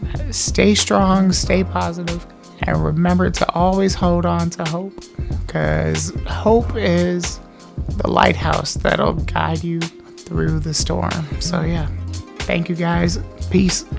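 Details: Adult male C1-C2 quadriplegic on a ventilator with an uncuffed tracheostomy tube, speaking by holding air and letting it flow around the tube over the vocal cords: speech with uncuffed tracheostomy on mechanical ventilator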